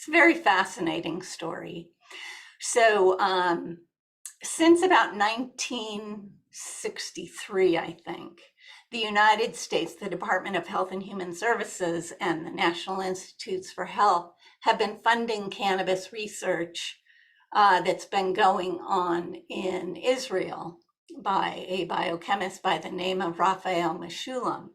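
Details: Adult woman with essential tremor, a progressive hereditary neurological movement disorder that also shakes her hands and body and affects her larynx; essential voice tremor.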